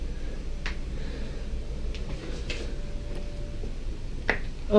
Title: Ultimate Loudest Neck Bone Cracking Compilation